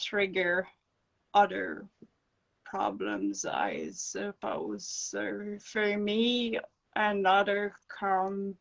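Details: Adult woman with acquired brain injury from encephalitis and an anaesthetic-related injury; non-fluent aphasia, with slow, broken speech and dropped words when fatigued.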